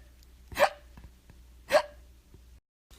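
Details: Simulated hiccups, not real: a reader acting out the hippo character in a children's story read aloud makes two sharp voiced hiccup sounds about a second apart over quiet room noise.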